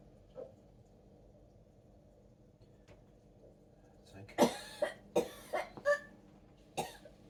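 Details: Woman with 22q during repeated tonic-clonic seizures with thoracic spasms: a quiet stretch, then a cluster of five or six harsh, choking coughs in quick succession.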